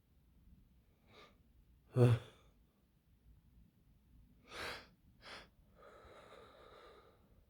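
Quick indrawn breaths building up, then a sharp burst and further short explosive sneezes, with breathy sighs afterward.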